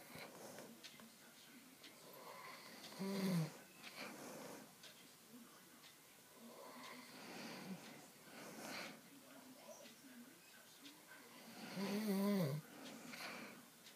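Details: Adult man snoring loudly all night: two loud, rough, snorting snores about nine seconds apart, with quieter breathing noise between them in a small room.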